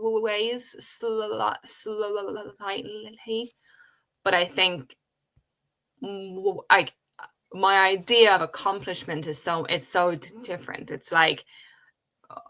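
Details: Adult woman who has stuttered since age five, speaking in a podcast conversation. Stuttering.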